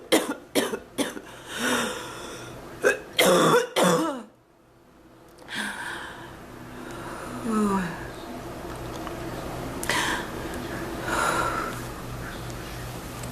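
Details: Repeated harsh cough bursts with throat clearing and groans, then quieter breathing, from an adult woman with an ongoing, unimproved cough she compares to past bronchitis, with chest discomfort; a persistent cough.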